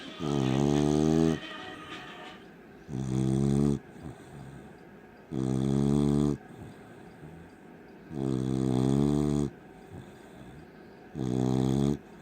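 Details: Beagle snoring: loud, rattling snores on the in-breath, five in twelve seconds, with quieter breathing between.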